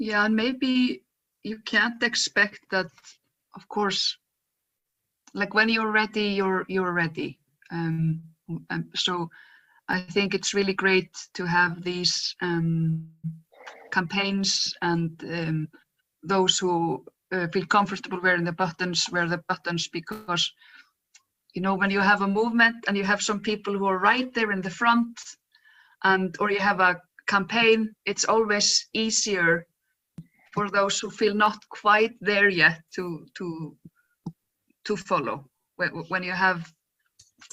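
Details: Adult woman who stutters and describes being photographed in her stuttering block; stuttering.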